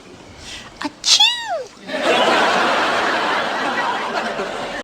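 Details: Loud, exaggerated acted sneeze with a sharp burst and sliding voiced cry, followed by audience laughter, in a sitcom scene; sneeze.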